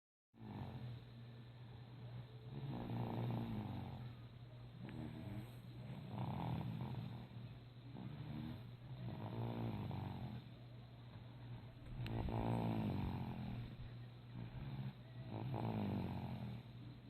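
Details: Person snoring: loud, rattling snores about every 3 seconds, roughly 20 breaths a minute, over a steady low hum.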